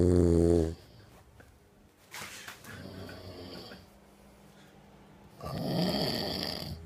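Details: Two snorers recorded on an iPhone after a hard night out in Tel Aviv, March 2015: a loud buzzing snore, then quieter breathing noise, then another rough snore, in a small room.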